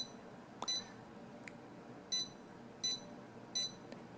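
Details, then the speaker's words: Contec CMS50D+ fingertip pulse oximeter beeping with the pulse: short electronic beeps, one per heartbeat, about 83 a minute. "d is your pulse sound so it'll actually beep with your pulse"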